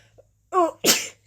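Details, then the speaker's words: Woman with spring seasonal allergies: a brief voiced 'ooh' and quick intake, then a single sharp, explosive allergy sneeze. "I'm having some kind of sneeze attack."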